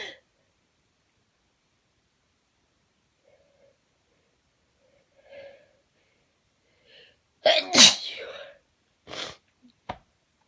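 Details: One loud, forceful sneeze followed by two smaller sneeze bursts and faint sniffles in a quiet room; sneezing.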